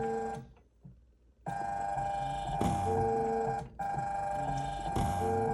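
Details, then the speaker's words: Emergency ventilator squeezing a bag-valve-mask resuscitator, PEEP about 20, peak inspiratory pressure near 50 cmH2O triggering the high-pressure alarm: loud continuous electronic ringing tones, briefly interrupted, over a rattling mechanical sound. "At these levels, the peak pressure, the PIP, is now up near 50 centimeters of water, and that is an alarm setting that we have indicating that the pressure is approaching too high levels."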